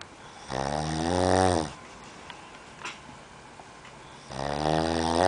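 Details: Man snoring while asleep: two loud, low, rattling snores on breathing in, separated by quiet breathing out; ordinary snoring.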